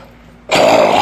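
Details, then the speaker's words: A single loud, rough cough after a brief quiet, from an adult with allergies who says he has no COPD and strong lungs from playing horns; he calls it a healthy throat-clearing cough. "you hear that cough that's a healthy cop that's me working my throat"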